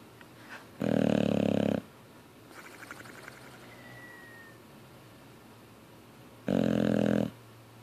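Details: Boxer dog snoring with jaws flapping: two loud, rough, low snoring breaths about six seconds apart, with quieter rattling between them; ordinary dog snoring.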